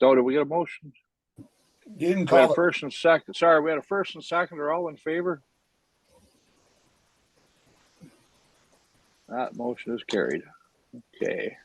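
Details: Adult speaker; normal voice.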